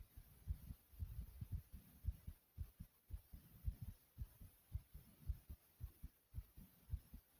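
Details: Steady low pounding heartbeat, about 55 to 60 a minute, each a paired lub-dub, with a faint steady hiss behind; the poster's own heartbeat.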